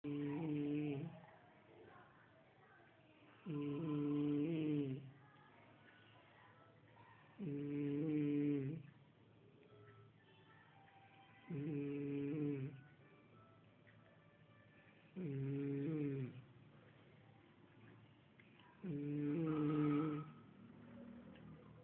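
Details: Sleeping "giant": six loud, deep, rattling snores at regular intervals, about 16 a minute, with quiet gaps between; steady snoring.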